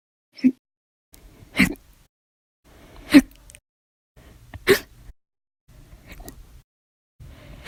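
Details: Sharp, brief vocal jolts recur about every 1.5 seconds with fainter ones between; repeated, violent, loud hiccups that lasted 10 hours 51 minutes after meals and 2 cups of soda; audio only.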